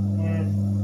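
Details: Hospital suction machine running: steady low motor hum, with its gauge reading about 500 during operation.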